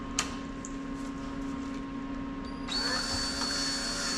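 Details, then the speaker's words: Motor whine of a drill-driven Henderson castrating tool twisting the spermatic cord so it can't bleed, after intratesticular lidocaine, during veterinary castration of a mini donkey or yearling Missouri Fox Trotter colt; steady whine over quiet room hum. "This is called the Henderson castrating tool. And basically like a hemopat on steroid concept is we're twisting the chromatic cord so much that it can't bleed."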